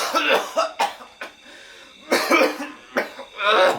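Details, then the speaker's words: A run of short, repeated coughs with throat clearing from an adult, acted for a honey advertisement skit. "lu batuk-batuk mulu nih minum"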